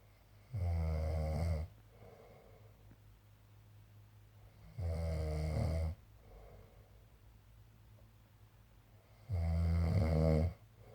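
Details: A man asleep after returning from a work trip, with three loud, deep, rumbling snores roughly one every four seconds and quiet breathing between; snoring.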